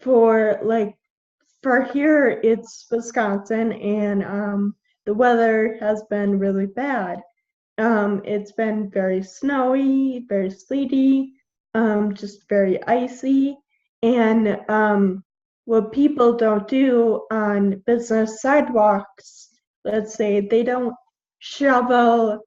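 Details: 21-year-old woman with Friedreich's ataxia, a genetic neuromuscular degenerative disease; symptoms from about age 9, diagnosed at 13, with progressively slurred speech. Finding: dysarthria (slurred speech) in Friedreich's ataxia.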